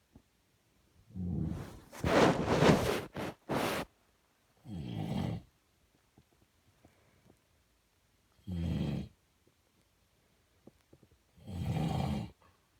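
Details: Loud, rough rattling snores on breathing in with irregular pauses; an adult man's (father's) sleep snoring, recorded in 2019.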